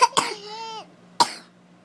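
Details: Two sharp coughs from a young child, recorded while a parent tries to capture her long, nasty cough; the first cough trails into a brief voiced sound, over a faint steady hum.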